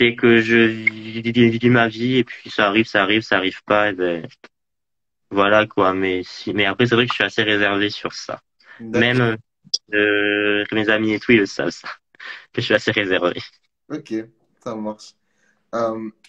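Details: Adult male who stutters, a student residence animator, interviewed in French; stuttering.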